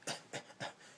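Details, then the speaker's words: An adult imitates a small, dry, puffy cough with three quick, airy puffs of breath, not a real cough: dry cough (imitated). "got that little puffy cough. That's where you hear the little puffy cough everywhere like that. I'm not coughing. I'm just showing you what the cough is."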